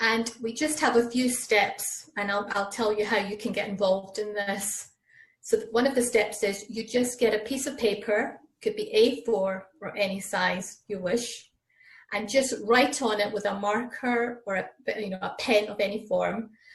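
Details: Adult woman speaking; typical speech.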